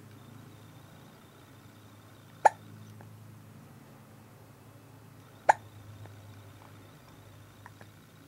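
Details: Hiccups in a person who always has the hiccups: two sharp, abrupt hiccup sounds about three seconds apart in a quiet room.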